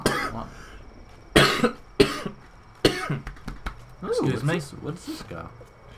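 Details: Several harsh, abrupt cough bursts from an adult, with brief throat noises between them; cough.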